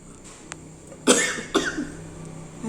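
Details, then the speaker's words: Two harsh, explosive dry coughs in quick succession in a quiet indoor room, from someone with a cough and itchy throat; cough. "udah tua kena batuk lagi ntar"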